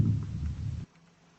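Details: Normal vesicular breath sounds heard with a stethoscope at symmetric points along the scapular line on the back (7th–9th intercostal spaces), equal on both sides.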